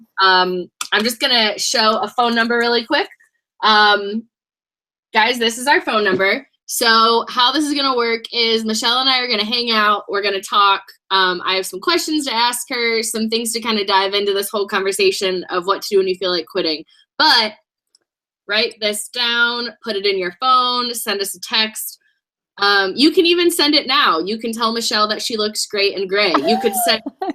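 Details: Adult woman; typical speech.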